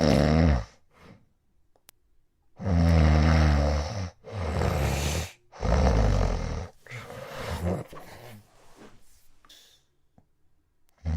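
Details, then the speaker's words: Loud, rough snores ramp up in a run, then go silent for several seconds as breathing stops, presented as the loud-then-stop pattern of obstructive sleep apnea; snoring with apneic pauses. "now that you've heard it you can clearly see the sound is going up and then it stops it goes up and then it stops"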